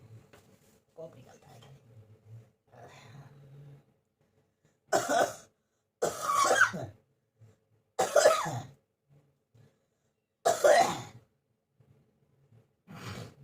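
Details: Quiet throat sounds, then five harsh cough bursts spaced a couple of seconds apart, in a person coughing for many days, on medicine, blaming hot-cold weather changes; a persistent cough with cold.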